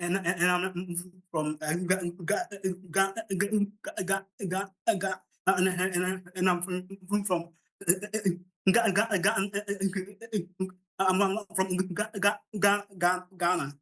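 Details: Adult man from Ghana who stammers, at the start of a public talk with word repetitions, a part he says is usually the most difficult for him; stuttering.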